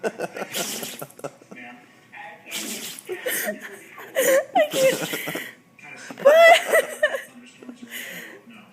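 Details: Husky having a sneezing fit: rapid run of sharp, breathy nasal bursts, with people's voices and laughter nearby.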